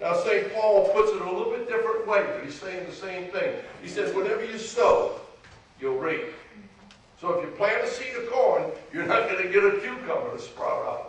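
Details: Adult man speaking; typical adult speech.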